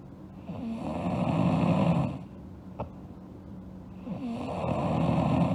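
Two long, rough, rattling snores on the in-breath, separated by a quiet pause with a small click; ordinary sleep snoring.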